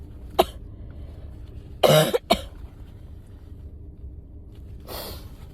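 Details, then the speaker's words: A person with a cold sneezes while driving, describing these as the strongest sneezes so far. A few forceful, explosive bursts, one drawn out, sound over car noise: strong sneezing. "This is This is the strongest they've been since this started. If it keeps up, I'm gonna have to pull over, honestly."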